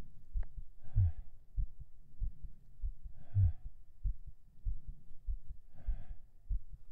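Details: Steady low thumps at about 100 beats a minute with heavy breaths about every two and a half seconds: binaural recording of a quickened but normal heartbeat right after 37 push-ups.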